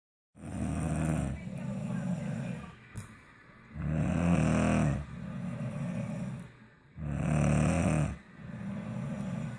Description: My daughter's snoring after their wisdom teeth removed. Shhhhhh